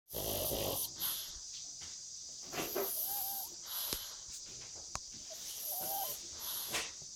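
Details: Pug snoring in sleep: noisy snorting snores with whistling, wheezy squeaks on each breath, typical of a flat-faced dog.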